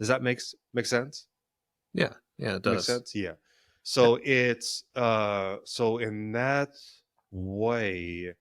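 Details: Stuttering in an adult man, present since childhood; he describes it as situational, worse with stress and before authority figures, and links its triggers to past trauma.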